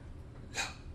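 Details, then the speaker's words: Vocal imitation of an aortic ejection murmur: a harsh hiss that swells and fades in a crescendo-decrescendo pattern, as a teaching demonstration. "for example the aortic murmurs are harsh they are crescendo decrescendo like"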